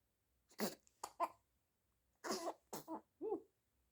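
Several short, harsh bursts in two clusters, like coughs or throat clearing, in a quiet room.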